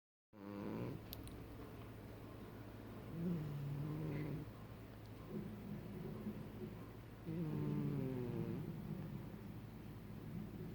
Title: 猫のイビキ ― 鼻づまりバージョン snoring cat